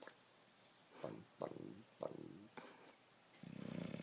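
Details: Bulldog snoring: short snorting breaths about every half second, ending in a rougher rattling breath.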